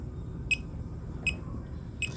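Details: Short high beeps at a steady rhythm over low room hum from a fingertip pulse oximeter, reading 77–79 beats per minute while being compared against a smartwatch heart rate monitor showing about 80.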